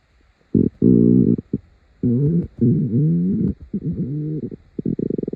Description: Here are some morning rumbles for you all to enjoy.